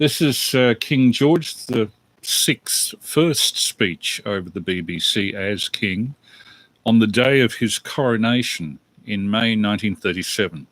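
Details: Adult man; normal speech.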